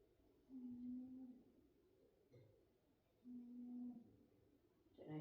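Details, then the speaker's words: Resting dog snoring softly in the background during a yoga session, two drawn-out, slightly whistling breaths about three seconds apart. "you can hear Arya snoring find a nice smooth rhythm of your breath"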